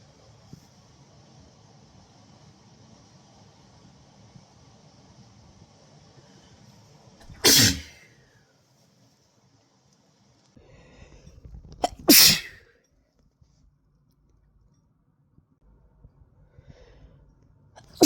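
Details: Two sharp explosive sneezes over quiet room hiss, with a quick catch of breath before the second, from a person who is sick.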